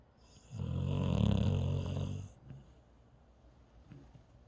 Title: Cute Snore from a cute paralyzed dog